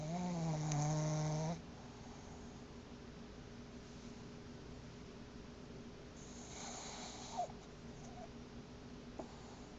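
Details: Snoring from a pet in REM sleep: one loud, buzzing, low-pitched snore, then a fainter breathy exhalation.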